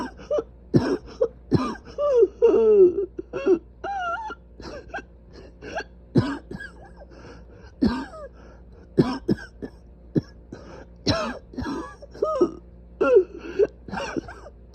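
Repeated harsh coughs and throat clearing in close succession, some with a wheezy, squeaky edge, from inflamed airways.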